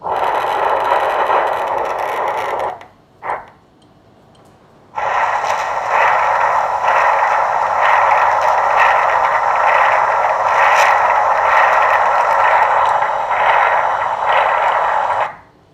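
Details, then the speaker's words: Doppler of an AV fistula outflow vein near the anastomosis: loud continuous rushing flow, briefly interrupted, good flow with peak systolic velocity around 120; Doppler flow sound of a functioning AV fistula vein. "a good flow around peak systolic velocity of 120 now we check a flow in this vein"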